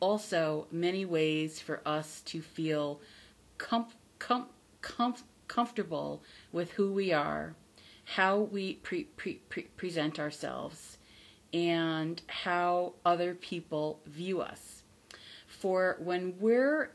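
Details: Adult woman who stutters, formerly a covert stutterer, not recovered from stuttering but from the fear of it; says her stutter is audible on careful listening; stuttering.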